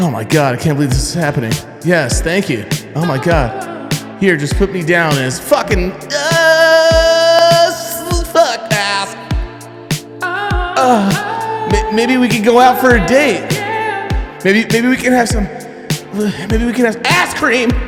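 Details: Acted comedy portrayal of an adult man with Tourette syndrome for 15 years, based on a relative's real condition; sudden obscene outbursts interrupt his speech, said to flare with nervousness; Tourette syndrome vocal tics (coprolalia), acted.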